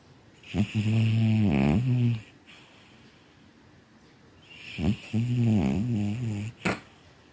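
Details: Tired male cat asleep and snoring: two long, loud, rattling snores on inhaling, a few seconds apart, with quiet breathing between; snoring.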